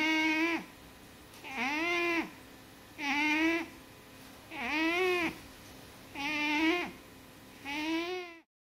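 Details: Oska, an overweight 14-year-old or younger male British Shorthair Blue cat, asleep: six loud, rhythmic, whistling, almost voice-like breaths, about 40 a minute, separated by quiet gaps. Snoring.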